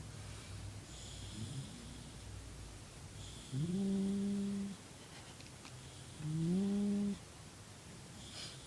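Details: 8-month-old Huntaway-cross puppy snoring: soft breaths with two drawn-out, tonal, whistling snores, about one breath every few seconds.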